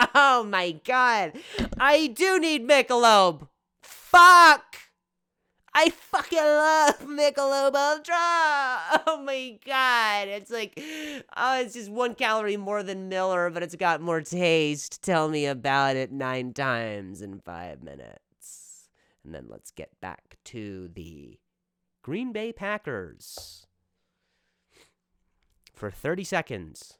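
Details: Male comedian's real stuttering while speaking on his own podcast; stuttering.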